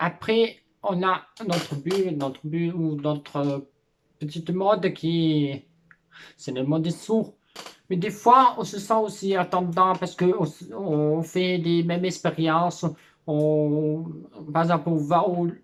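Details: Deaf or hard-of-hearing speaker, one of a group of deaf friends with differing degrees of deafness, some with cochlear implants: deaf speech.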